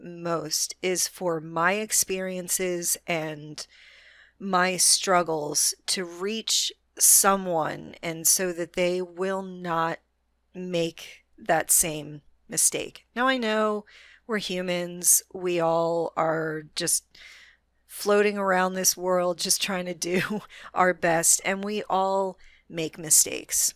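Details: Adult female with a self-reported moderate, not severe stutter that she can control most of the time; stuttering.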